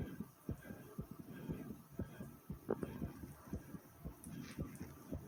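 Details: A person's own fast heartbeat after exercise: quick, steady low thumps at about 118 beats a minute, with breathing noises.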